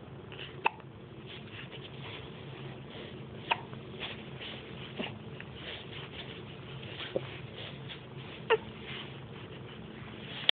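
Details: A 9-week-old with hiccups: about five sharp, sudden hiccup clicks at irregular intervals over a steady room hiss; hiccups.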